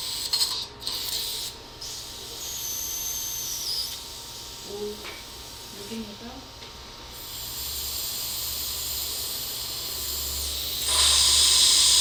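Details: Flapless guided (OneGuide) immediate implant placement at tooth 13 after a crown-root fracture, with periotome extraction and dual zone graft: a steady high hiss of suction and water spray with faint whines; dental surgical instrument sounds.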